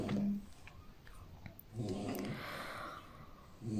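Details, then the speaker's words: Snoring from a male lying right beside the speaker while convalescing from a torn, bandaged ear after a fight with his brother. "d'ailleurs vous pouvez entendre des ronflements puisqu'il est juste à côté de moi"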